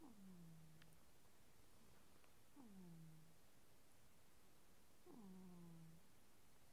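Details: Cat snoring while asleep: quiet, regular, soft falling nasal snores, about 24 breaths a minute.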